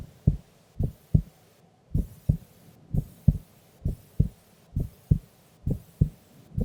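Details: Female sleeping during an afternoon nap: steady paired lub-dub heartbeats, about 65 a minute, even rhythm, no extra sounds; normal resting heart sounds.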